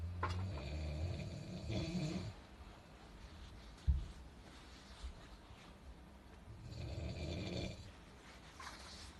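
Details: Two long, low, rattling inspiratory snores separated by a quiet pause, faint knock between; snoring.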